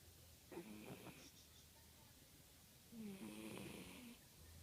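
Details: A sleeping cat breathes with two soft, whistly snoring breaths in a quiet room; light snoring in a cat.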